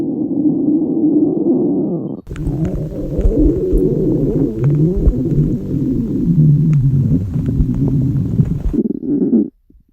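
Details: Hungry stomach growling of girls on a diet: long, loud, shifting gurgles with squeaky rising tones, a normal sound.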